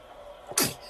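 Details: A baby sneezes in the morning when the light is too bright: a single brief, sharp infant sneeze, a sudden hissing burst that fades quickly, in a quiet room.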